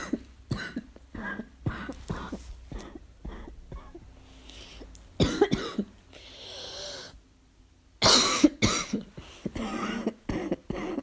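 Repeated short, harsh cough bursts in quick runs, with several louder, forceful coughs later; a barking cough linked to asthma.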